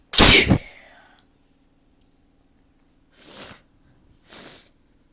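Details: One loud explosive sneeze, deliberately induced, then two softer nose-blowing bursts from someone with a sore, stubborn nose, in a quiet room with a faint hum; a sneeze.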